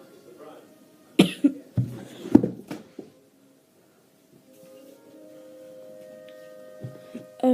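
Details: Short run of about five harsh cough bursts while laughing, a laugh cough, then quiet room noise with a faint tone.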